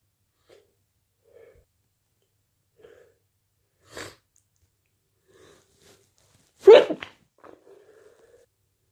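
Quiet sniffs and breaths, a muffled stifled sneeze, then one strong forceful sneeze with a short follow-up; ordinary sneezing.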